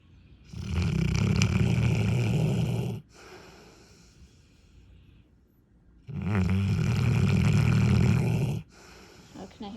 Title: his snoring